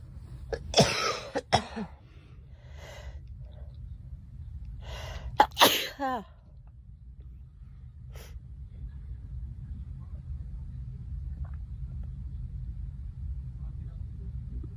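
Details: A few sharp, forceful coughs from a girl with a short gasp, then steady low room noise; a performed cough.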